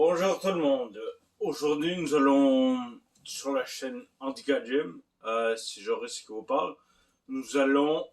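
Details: Ataxic dysarthria in a man with Friedreich ataxia, a hereditary degenerative genetic disease, diagnosed at age 29, affecting fine motor control, balance and speech; he does not use a wheelchair and has no heart symptoms.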